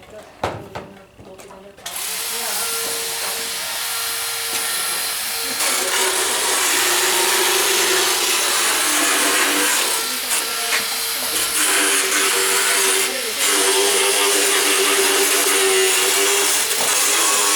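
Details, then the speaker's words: Loud continuous grinding whine with pitch shifts: a motorized power float files the teeth of a horse during a veterinary equine dental exam; the horse has pretty decent occlusion. "almost done we'll give him a little float and then he'll be in business"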